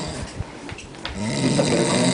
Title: Concierto de ronquidos